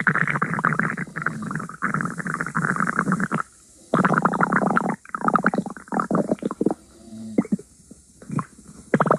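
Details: Stomach growling: loud, long rumbling and creaking gurgles in bursts with brief pauses; ordinary bowel sounds.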